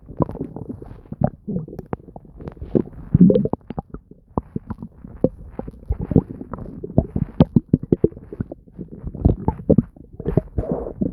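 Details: Bowel sounds (borborygmi).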